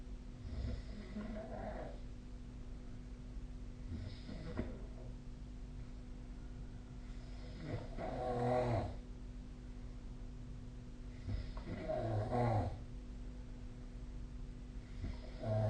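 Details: Sleep snoring: low, rattling snores every few seconds, about 16 a minute, over steady room hum; ordinary snoring.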